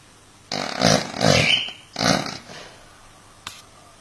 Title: The Funniest Snoring Compilation 2018